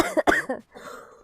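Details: Female gamer with a cold who says she is coughing a lot, during a live game stream: a short run of three quick, slightly chesty coughs, then quiet breathing.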